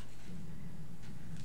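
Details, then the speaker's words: Adult woman's stomach growling while chatting on camera: a low, rumbling gurgle from the belly, ordinary borborygmi. "hear my stomach growling you hear that whoa did you hear my tea"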